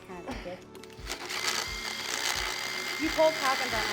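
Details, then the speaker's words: Nervous horse rescued emaciated from auction, with sharp points and hooks on the upper teeth: a whirring, grinding power tool rasps steadily with rhythmic thuds, a motorized equine dental float filing the teeth. "um he did pretty good considering you know he's really nervous um having a power tool in your mouth can be kind of scary but he did really well um he did have some sharp points but we got this taken care of"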